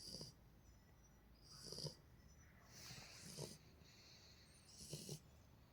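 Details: Repeated soft snorting snores, roughly one every one to two seconds, from a sleeping beagle puppy.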